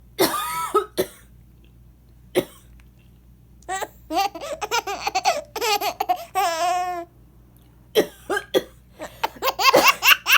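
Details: Mother's ordinary cough: several short, dry adult coughs, with an infant laughing and squealing between them.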